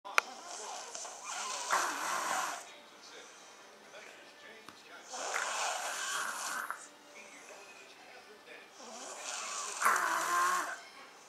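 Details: An adult man snoring: three loud, rough, rattling breaths about four seconds apart with quieter gaps between.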